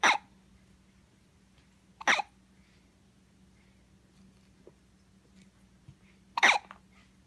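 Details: Three sharp, abrupt hiccups a few seconds apart in a quiet room with a faint steady hum, hiccups keeping the person from sleeping; hiccups.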